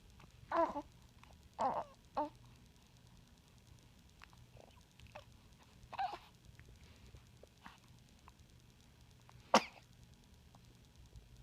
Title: Baby Sneeze